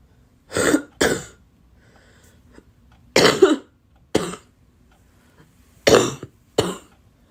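Three pairs of sharp coughs, six bursts in all, separated by quiet pauses.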